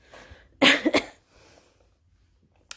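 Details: An adult still ill with asthma and a COVID cough: two harsh, forceful coughs in close succession in a quiet small room; cough during a respiratory illness.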